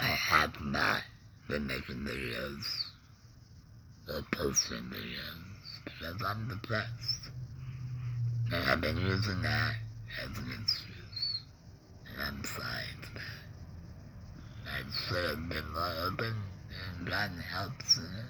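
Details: Adult man with a laryngectomy after cancer (tongue cancer tagged), breathing through a neck stoma, with ongoing tongue pain and depression; alaryngeal speech after laryngectomy.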